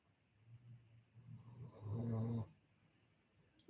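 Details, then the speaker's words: Snoring from a sleeping dog: a low, rumbling snore building to one loud, rough breath, described as snoring like a grown man. "She snores like a grown ass man and she farts like a grown ass man who's sick."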